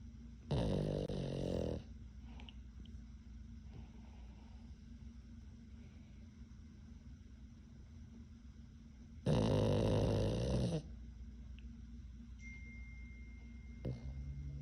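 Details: 11-month-old pug puppy snoring: two loud, deep rattling snorts separated by quiet breathing, typical of a flat-faced dog's narrowed airway; snoring.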